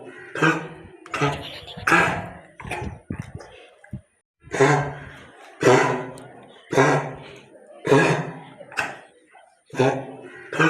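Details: Dog with kennel cough: a run of about ten harsh, honking coughs.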